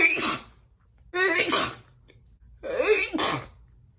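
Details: Woman gives two big, loud, wet sneezes, each with a sharp in-breath and an explosive burst, separated by a pause; sneezing.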